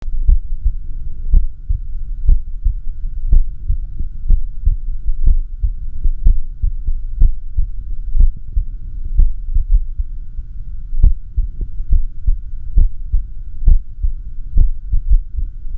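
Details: Recording of the uploader's own heart during echocardiography while having an arrhythmia: a low, steady thumping heartbeat at about 70 a minute, with a few early, closely spaced beats breaking the rhythm.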